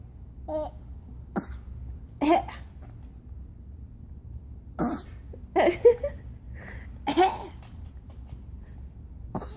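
A child gives about five short, sharp coughs, single and in pairs, spaced over several seconds against low background hum; a plain cough.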